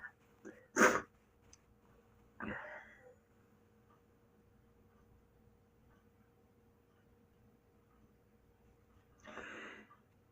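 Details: A person's own sneezes collected over a week: a sharp sneeze burst with a short breathy sound, then a softer exhaled sneeze after a long quiet gap; sneeze.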